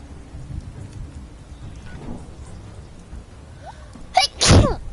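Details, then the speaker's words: Young Japanese woman with a day of uncontrollable, sudden repeated sneezing during a live stream: one sharp sneeze with a quick intake before it, over steady background noise. "ごめん、今日めちゃめちゃやばい、めっちゃくしゃみ出る。マジでごめん、今日本当にくしゃみが止まらない日だ。"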